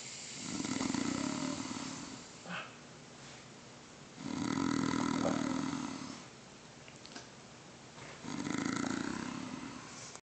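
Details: Person snoring: three loud, rumbling snores recurring about every four seconds, with quiet pauses between them.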